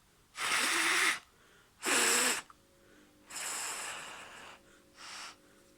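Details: Four strong blown exhalations with hissing, fluttering tone through an oscillating PEP device with vibrating flap, used to loosen mucus by a person with cystic fibrosis on day 2 of COVID infection.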